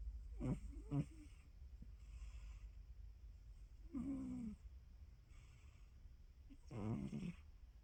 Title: Luna snoring during nap time.